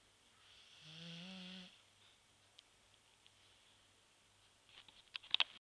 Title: Clive the shar pei snoring